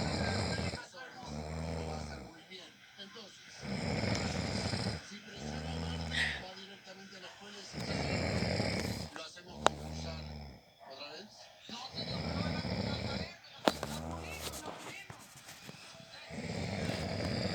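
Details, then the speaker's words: Husband recorded snoring at night by his wife because he denies snoring; loud, rattling snores on each in-breath, about 15 a minute, with noisy out-breaths between, likened to a mare; snoring. "padre sí parece una yegua parece una diego cuando están rellenando ronca como una yegua rechinando"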